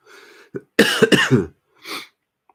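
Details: Adult with COVID-19, sniffing and coughing, gives a pair of harsh, partly voiced coughs between quieter breaths or sniffs in a small room; cough.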